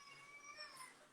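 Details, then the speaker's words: Baby girl crying in the background, a faint, high-pitched wailing cry after seeing her mother and wanting to be held. "so it's I don't know if you can hear my baby crying in the background she saw me"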